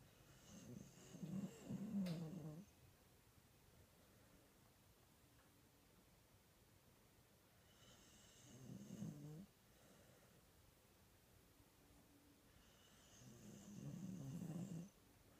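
Three low, rumbling snores on inhalation, roughly four a minute, with quiet pauses between; snoring in a quiet room.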